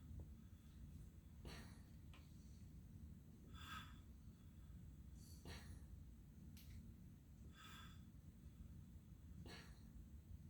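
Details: Servo-i ventilator on pig lungs in pressure control (about 20) during an Open Lung Tool recruitment maneuver: soft hiss bursts and valve clicks about every two seconds over low machine rumble.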